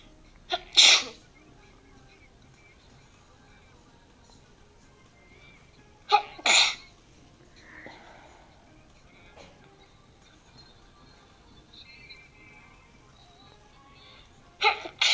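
Three loud, sharp sneezes, the first two close together, separated by quiet breathing and faint room noise.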